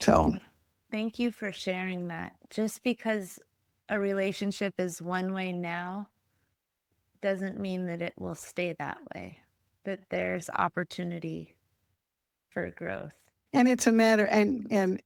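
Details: Adult woman speaking; no disorder.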